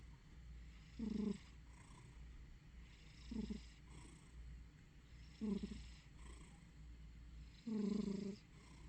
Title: Juliet-Eve sleeping, snoring/purring cat.